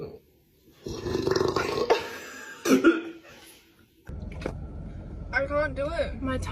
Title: Best burps go subscribe to my channel